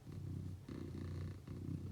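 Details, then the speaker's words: Sleeping female cat snoring loudly while napping on a parquet floor: low, rumbling, fluttering sound rising and falling with each breath, about three breath phases in two seconds. "Eh, ça va ma ronfleuse là? Tu ronfles drôlement fort quand même, je t'entendais dans la salle de bain, dis donc."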